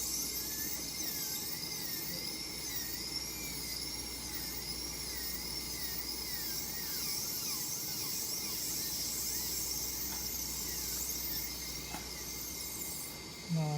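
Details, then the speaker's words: Class V (cervical) cavity preparation: a steady high-pitched dental drill whine with small pitch wobbles as an inverted cone bur cuts retention grooves along the occlusal and cervical walls, taking care not to over-cut. "so if we create a groove all around okay but it's a very aggressive world yes so you have to be very careful not to over cut okay"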